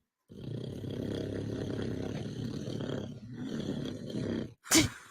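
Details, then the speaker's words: Dad's heavy snoring, with his baby reacting: a long, loud, rumbling rattle with a short break, then a brief sharp burst at the end. "Baby's reaction to dad's snoring is absolutely hilarious. Here he is. Is that sound coming out of you, Dad?"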